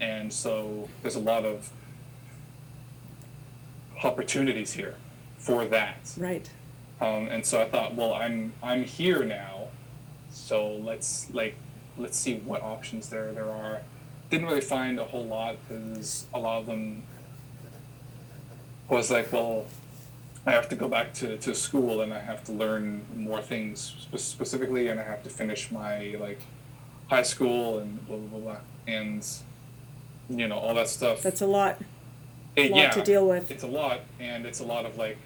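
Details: Adult who has stuttered since childhood and had speech therapy sessions as a child; repetitions heard; stuttering.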